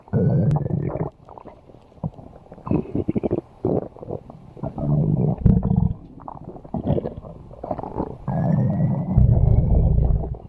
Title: Bakii's stomach Growling